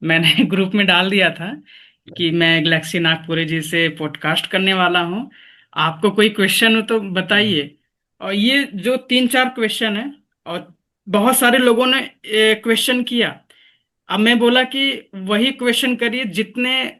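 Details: Adult man speaking Hindi; fluent speech.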